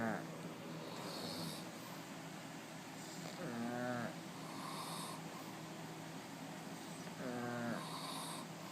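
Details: Dog snoring in sleep: soft, buzzing snores with a whistling edge, about one every four seconds over steady room hum.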